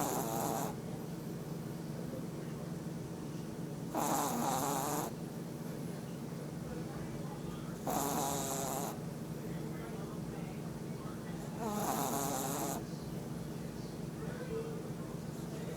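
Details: Rattling snores about every four seconds (roughly 15 a minute) over a steady background hum, recorded during a short nap; snoring.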